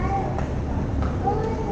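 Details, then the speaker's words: Continuous wet, bubbly gurgling with each breath in a 20-day-old infant after feeding, with difficulty swallowing and pooled secretions; referred to rule out tracheoesophageal fistula, laryngomalacia considered, bronchoscopy performed. "A bit difficulty in swallowing, if you can see. You can hear the gurgling sound."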